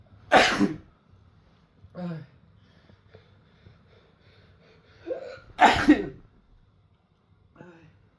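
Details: Man sneezing after taking chhinkni snuff: two forceful, explosive sneezes a few seconds apart, each with a short intake and softer throat sounds between them.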